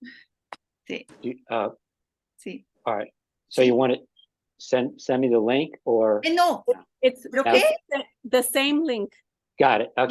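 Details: Ischemic stroke five years earlier in an adult man, with resulting aphasia; halting speech with frequent pauses and fillers; aphasia after stroke.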